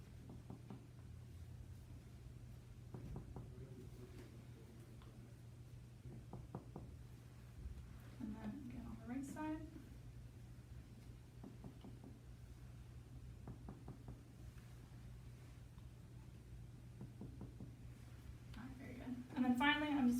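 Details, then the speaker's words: Posterior chest percussion at three places along the spine in a female, first-year medical student's pulmonary exam; lungs clear bilaterally: several soft, hollow taps with faint room noise, a normal resonant note. "so I'm also going to be performing percussion now so the same tapping Motion in three places along the spine"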